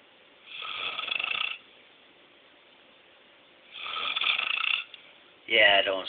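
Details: Two long, rasping breaths about three seconds apart then a short snort from a sleeping adult man who denies snoring; snoring.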